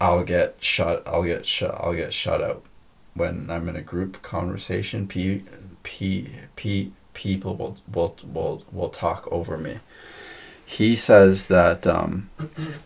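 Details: Stuttering in a female podcast guest who stutters, noted as stuttering much more than usual in this conversation; repetitions of words and part-words.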